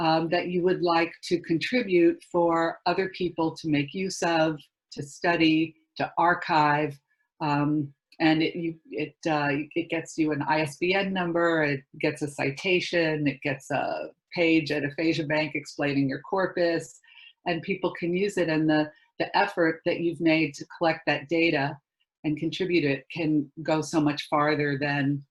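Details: Adult speaker; normal speech.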